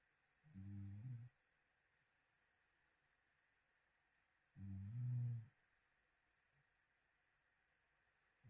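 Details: Adult sleeping with open mouth on a live sleep stream gives two loud, low, rattling snores about four seconds apart, with quiet breathing between: snoring.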